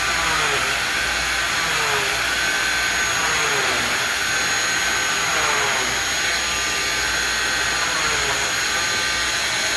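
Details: Oscillating cast saw with a steady high-pitched motor whine and rising and falling cutting sweeps, bivalving a fiberglass short leg non-weight-bearing cast laterally using the in-and-out method to allow for postoperative swelling.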